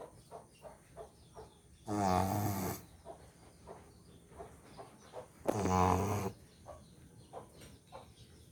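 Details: Sleeping American Bully dog: two loud, rattling snores about three and a half seconds apart, with soft snuffling breaths between; snoring.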